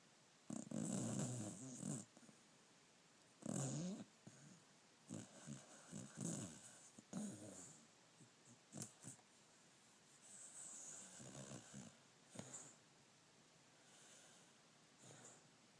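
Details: A sleeping beagle snores in uneven bursts of low, rattly breath noise with hissy airflow.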